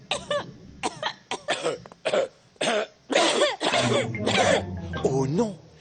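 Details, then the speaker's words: Several short cough bursts from a cartoon character, mixed with voices and music: animated (not real) cough from a Peppa Pig episode dubbed in French. "maman papa j'ai attrapé une toux le docteur brown bear est venu pour nous soigner il nous a donné un médicament dégoûtant"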